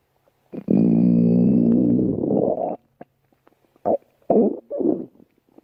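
A loud, long growl followed by several short gurgling bursts from the belly. Normal stomach growling.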